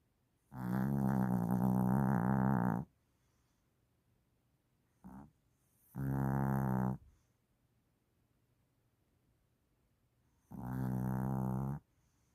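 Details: Mother dog snoring while asleep: loud, buzzing, rumbling snores spaced by quiet pauses between breaths.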